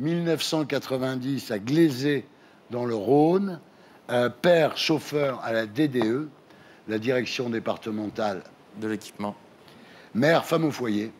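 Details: Adult man, French-speaking; normal speech.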